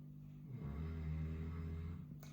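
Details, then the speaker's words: Dog asleep in the background snoring: a single low, rumbling snore lasting over a second against quiet room noise. "And that noise you can hear in the background literally is my dog snoring. And that's fine."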